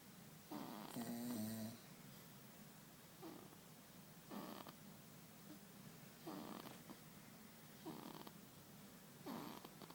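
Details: Sleeping baby, September 2012: soft, rhythmic noisy breathing recurring about every one and a half seconds, infant snoring.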